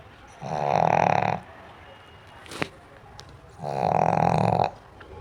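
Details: Sleeping pug dog: two loud, buzzy, rattling snores about three seconds apart with a faint click between; snoring.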